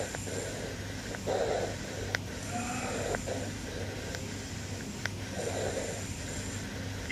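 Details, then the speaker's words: Soft, medium-pitched breath sounds with equal-length inspiration and expiration, heard over the anterior thorax at the upper sternum, 1st–2nd intercostal spaces, during a nursing student chest assessment demonstration; normal bronchovesicular breath sounds. "you should hear bronchovisicular sounds around the upper sternum in the first and second intercostal spaces"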